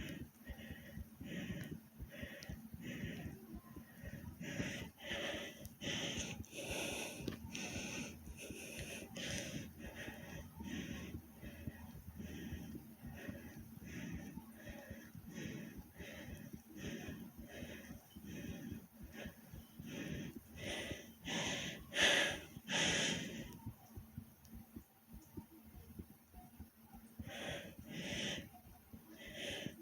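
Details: Own heavy breathing after doing different exercises, with heart beating fast: rapid, loud, noisy breaths in quick succession while catching breath; heavy breathing after exertion.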